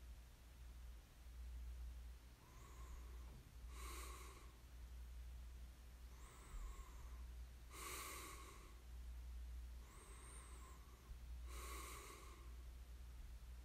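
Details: Snoring during sleep: slow, soft snoring breaths, about 4 a minute here, over a steady low room hum.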